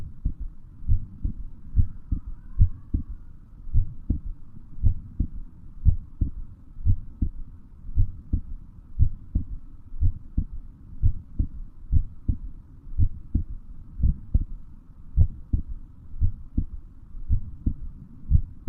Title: Heartbeat sound